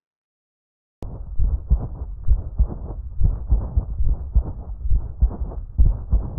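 Through the stethoscope come dry, raspy, scratching sounds repeating with each heartbeat at about 67 a minute, a pericardial friction rub.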